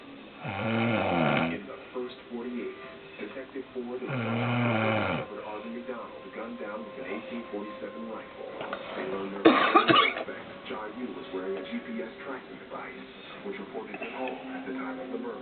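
Two loud, rough, rattling snores with a television crime show talking in the background.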